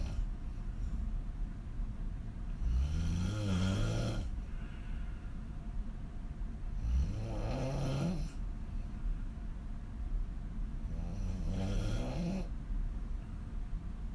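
Three deep, loud, rattling snores in about 14 seconds, roughly 13 per minute, over steady low background noise.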